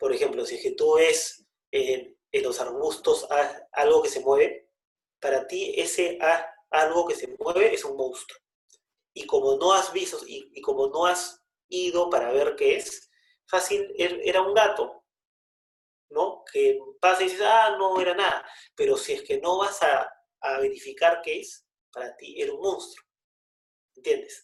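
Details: Stuttering in Spanish conversation between two adult men who both stutter.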